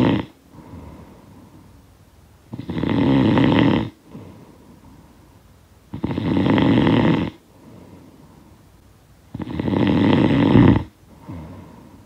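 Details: Rough, rattling snores on each breath in with quieter breaths out, about 17 breaths a minute; sound-effect recording of snoring.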